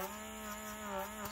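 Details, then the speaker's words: Electric baby nasal aspirator tested without a child, with a fingertip blocking the nozzle to show suction power: steady motor hum with a whistling suction tone. "as you can see as when I put my fingertips over here you can feel and hear the suction power"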